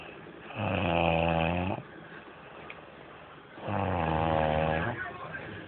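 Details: Two long, loud, rumbling snores about three seconds apart, each over a second, during sleep; heavy snoring.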